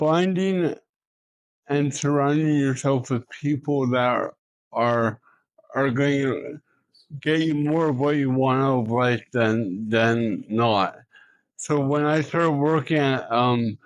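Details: Adult man with cerebral palsy, an Olympian and professional speaker, in a spontaneous street interview; speech in cerebral palsy (dysarthria).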